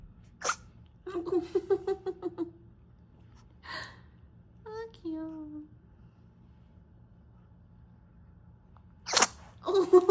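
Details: Pomeranian puppy sneezing while its paws are being wiped: a quick, sharp sneeze among handling noises and soft voices in a quiet room.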